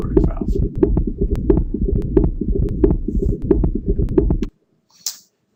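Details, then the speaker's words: Teaching example for bicuspid aortic valve: regular heartbeat at about 90 a minute with a sharp, high-pitched click just after the first sound, a systolic ejection click classically associated with a bicuspid aortic valve. "and again based on oscilation this asso ejection click is classically described as associated with my cus or"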